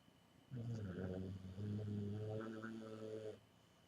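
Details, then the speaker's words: Snoring in a sleeping dog, jokingly said by the owner to have "dog apnea": a long, loud, rumbling snore on one breath with a throaty vibrating quality. "Think you got sleep apnea, bro. Think you got dog apnea. That's Herc. And it's snoring."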